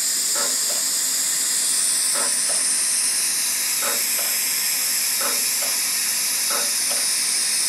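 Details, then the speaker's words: DEKA CO2 dental laser at level 4, frequency 50, with a tip cutting power to about 0.5 W, drying and popping cold-sore blisters on the mouth: constant loud suction hiss with short paired laser bursts. "okay y so we're drying up those vesicles kind of Pops the [Music] blister"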